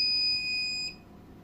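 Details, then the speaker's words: Single high, steady electronic beep under a second as a metal-body long wave physiotherapy machine for body pain relief is switched on; therapy machine power-on beep. "तो दोस्तों सबसे पहले तो machine को start कर लेंगे कुछ इस तरीके से"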